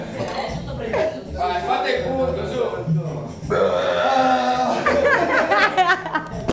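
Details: Several loud, drawn-out burps mixed with laughter and chatter in a lively room; burping.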